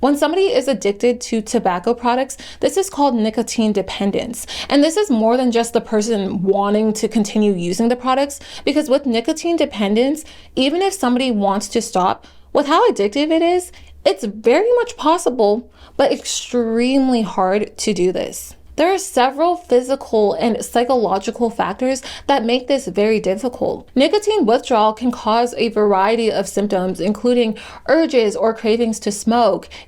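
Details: Adult woman narrating; normal speech.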